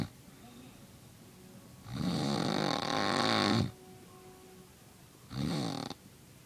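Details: A dad snoring: two loud rattling snores on breathing in, the first long and the second shorter, with quiet breathing between them.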